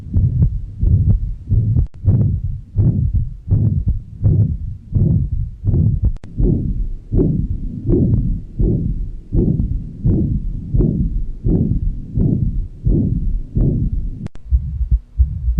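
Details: Regular heartbeat about 86/min with a whooshing sound filling each beat at the mitral area, simulated heart exam of an adult male said to have hypertension with enlarged heart: mitral regurgitation murmur.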